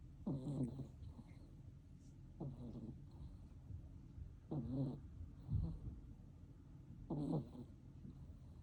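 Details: Sleeping kittens snoring, soft low rattling snores about every two seconds, roughly 26 a minute, against quiet room noise.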